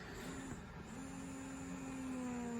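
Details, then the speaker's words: Baby Buddha breast pump on level 1 in stimulation mode, steady motor hum rising and falling with short long-pull cycles at low power; auto-increases to level 2 unless adjusted. "You can actually hear that nice long pull. and then it's going to automatically go up to 2 unless you intervene."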